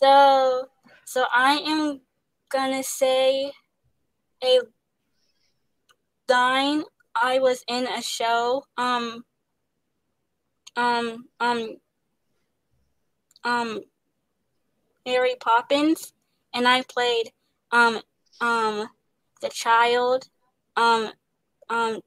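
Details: Young woman who stutters, an actress, singer and dancer, in speech therapy; her stutter involves pauses, switching words and restarting; stuttering.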